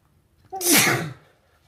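A single abrupt, forceful sneeze with a brief voiced onset, in a quiet room.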